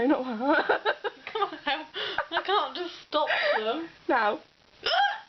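Brief vocal bursts with sharp abrupt catches among giggly sounds, fitting hiccups interrupting laughter.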